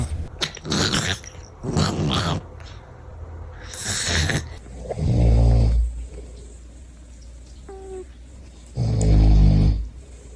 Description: Cats can snore just like humans – and it's the cutest thing! 😂🐱💤